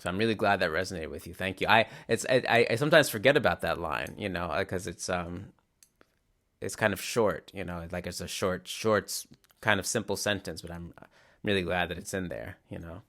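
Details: Real adult male who stutters, mainly with glottal blocks that are often silent rather than syllable repetitions; stuttering with silent glottal blocks.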